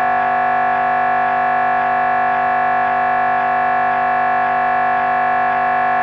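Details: MRI brain scan: loud, steady buzzing electronic drone with rapid rhythmic pulsing, the typical scanner gradient noise.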